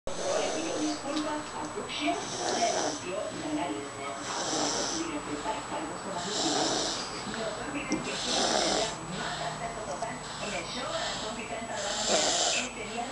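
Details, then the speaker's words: Baby girl who has snored since birth: soft, regular rattling snores on each breath, about 16 breaths a minute, with faint room noise. "Que los bebés no roncan. Pues esta bebé ronca desde que nació."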